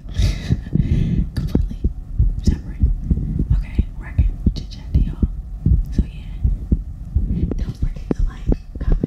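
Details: Fast, steady, low heart thumps of about 88 per minute, recorded after exercise in an ASMR heartbeat recording, with soft whispering over it: normal heartbeat after exercise.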